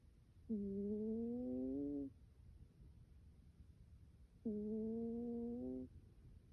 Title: My cat snoring with her face covered